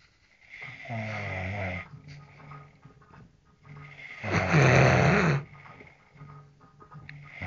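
Loud, rough, vibrating snores on two breaths, each followed by quieter breathing; typical heavy snoring.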